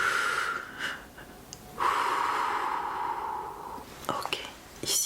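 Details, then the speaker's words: Boy with cough, sore throat and fever taking two loud deep breaths in and out on request during stethoscope chest auscultation at a home visit; clinician suspects bronchi are somewhat affected; simulated consultation. "Alors tu vas respirer très très fort, ok? Attention, respire fort."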